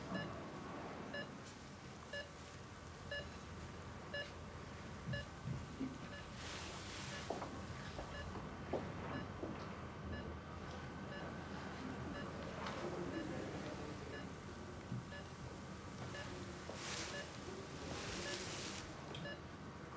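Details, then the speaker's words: Repeated electronic ventilator/monitor alarm beeps over quiet room noise in a TV drama (simulated), sounding after an infant's ventilator is switched off and the breathing tube removed, signalling she is not coping on her own. "What's happening? The alarms mean she's not coping on her own."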